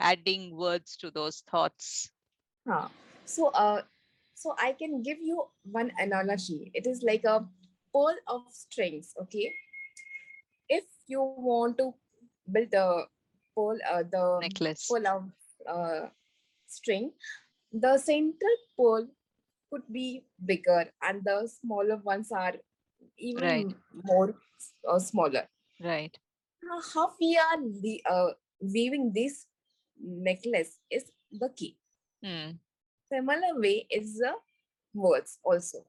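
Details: Recovering global aphasia in a woman after a massive stroke on an Everest base camp trek, initially unable to speak, read, write or spell; about four years later after long speech therapy, residual word-finding errors and garbled words.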